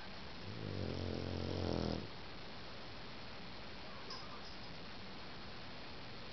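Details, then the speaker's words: Sleeping foster dog, about 2 years old, 50 lbs, assumed Boxer/Bulldog mix: a single low, rumbling snore of about one and a half seconds, then quiet breathing and faint room noise; snoring. "You were snoring. You sleepy boy. You sleepy boy. Snoring away. Good boy."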